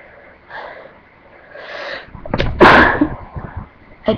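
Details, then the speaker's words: Person with an itchy nose who keeps sneezing all day: two soft, breathy build-ups with an indrawn breath, then one loud, explosive sneeze and a short trailing sound; a sneeze. "I don't know why, it's just I keep sneezing like crazy today."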